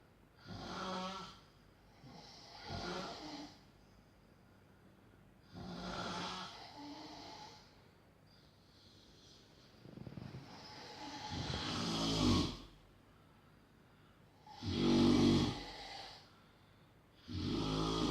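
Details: Loud, rough snores in an uneven rhythm, some harsh and rattling, at about seven breaths in eighteen seconds; extreme heavy snoring.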